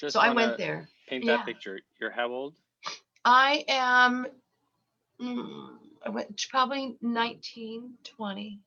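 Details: Lifelong stuttering in an adult woman, self-described as very repetitious, with eye closures; worse when unwell and since COVID, and she has a cold while recording.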